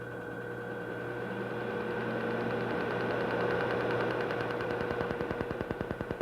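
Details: Steady machine hum with rapid regular clicking pulses, about 200 a minute: an excimer laser firing during real-time LASIK surgery, patient holding fixation.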